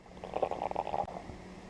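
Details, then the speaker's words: Abdomen auscultated with the diaphragm of a warmed stethoscope in a relaxed patient, before percussion and palpation: a brief burst of soft clicks and gurgles, normal bowel sounds from peristalsis (normally 5 to 35 irregular sounds a minute). "these generalized clicks and gurgles reflect peristalsis and should occur irregularly 5 to 35 times per minute"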